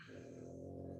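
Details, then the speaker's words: Small dog snoring in the background: a steady, low, buzzing rumble often mistaken for a cat's purr. "my dog's snoring in the background can you all hear that people often think it's a cat but it's a little dog snoring right here for a little background noise"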